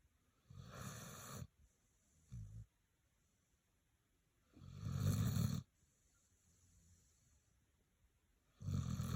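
Loud, low rattling snores on each breath in, with quieter breaths out between; about 3 snores over 9 seconds, consistent with ordinary snoring.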